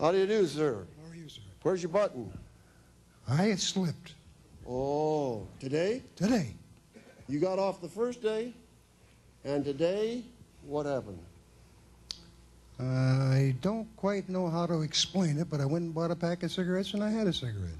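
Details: Woman whose larynx was removed, followed by radiation and chemotherapy, speaking with an electrolarynx, a battery device held against the throat that makes a beeper sound she articulates into speech; electrolarynx speech.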